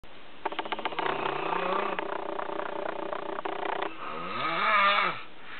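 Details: Snoring on a Saturday morning: loud buzzing, fluttering snore with a rising, whistling tone near the end.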